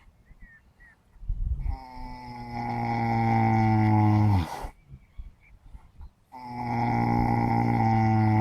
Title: Sleeping horse caught snoring loudly